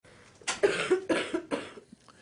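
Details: Adult cough in a small room, cold-season context: three quick, harsh cough bursts.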